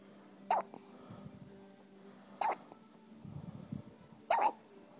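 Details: Infant hiccups: three short, sharp squeaky catches a couple of seconds apart, each with a small puppy-like yelp; normal.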